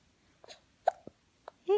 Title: December 13, 2016